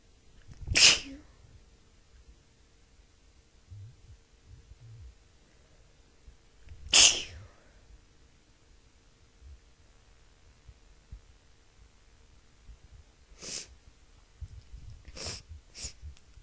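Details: Person sneezing while trying to partly hold the sneezes back and while talking: several short, sharp, hissing, spray-filled sneezes spaced apart in a quiet room, with a quick cluster near the end.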